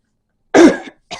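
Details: A single harsh adult cough followed by the start of a brief throat-clearing sound, during conversational speech; cough with throat clearing.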